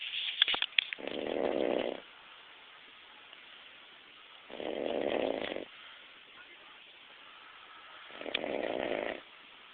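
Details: Snoring from a sleeping dog napping: three even, buzzing snores, about one every three and a half seconds, with quiet between them.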